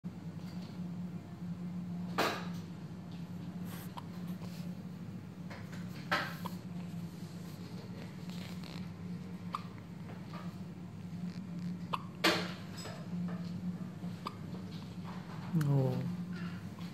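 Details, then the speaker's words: Newborn baby on the night of birth: sharp, brief hiccup catches every few seconds, five in about seventeen seconds, over a steady low hum; infant hiccups. "See you hiccuping outside instead of in the tummy."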